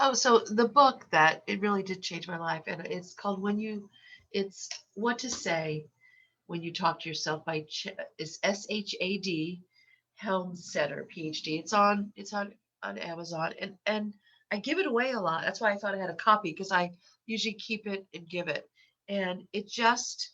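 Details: Stuttering in an adult woman who stutters, long active in the stuttering community; stuttering increased in this recording because she has a cold with a stuffy nose.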